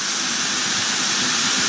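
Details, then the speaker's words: Portable oxygen E cylinder (Intelliox tank) turned up to 25 L/min, a rate usable with a high-flow cannula: loud, steady rushing hiss of high-flow oxygen. "let's turn this thing up correct now we have it at 25 if you have a high flow cannula you could do this"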